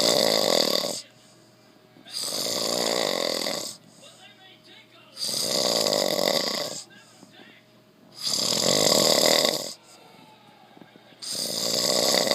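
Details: Adult man asleep after a long hard day of working: loud, rough, regular snores on each in-breath, about 20 a minute, with quiet pauses between.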